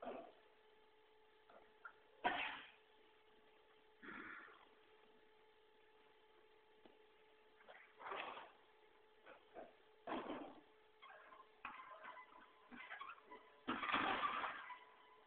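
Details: Horse coughing: several short, harsh coughs over about fifteen seconds, with squeaking in the background from another horse pulling hay from a feeder.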